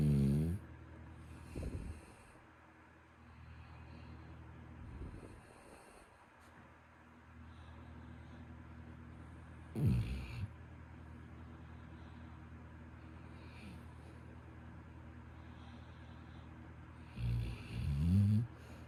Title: Soothing sounds of Bruce the Labrador snoring